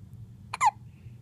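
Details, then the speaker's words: A little girl with the hiccups, whose eyes look somewhat red: a single short, sharp, gulping hiccup breaks a quiet background with a low hum; an ordinary hiccup. "You got the hiccups, little girl."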